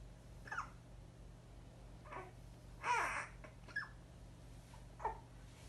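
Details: Hiccups of a 6-week-old baby.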